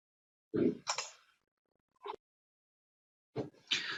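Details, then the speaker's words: Nocturnal stridor in multiple system atrophy: harsh, high-pitched, strained breathing in separate bursts during sleep, from vocal cords unable to relax; probably associated with worse prognosis but treatable. "so it's a very high pitched harsh breathing sound and it's due to inability of the vocal cords to relax um during sleep and I'll play an example sound here"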